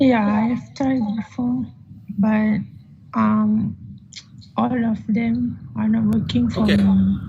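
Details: 15-year-old Malaysian male whose voice stays high-pitched and childish after puberty, recorded before voice therapy; puberphonia.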